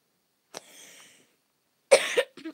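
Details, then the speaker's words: A faint breathy catch, then one sharp cough followed by a short throaty sound; a single cough from someone reading a book aloud who reports having a bad cough. "Sorry, I've got a bad cough."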